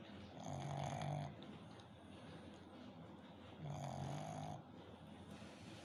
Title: cute little puppy snoring